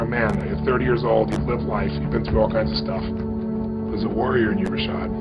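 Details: Adult man speaking; normal speech.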